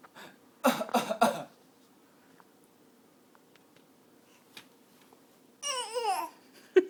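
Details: Young child deliberately fake coughing, three quick forced coughs, then a sing-song vocal sound, described as practicing to get out of school.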